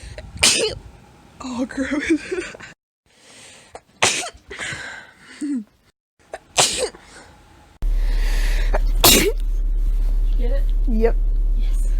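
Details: A person sneezing repeatedly for a couple of minutes: several sharp, explosive sneezes separated by voices and brief noises, with loud background hum later.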